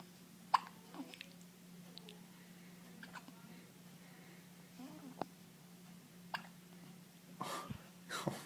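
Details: A baby boy's first hiccups, his third bout that day: brief, sharp catches in the breath about every second over a low room hum, with soft baby sounds; infant hiccups.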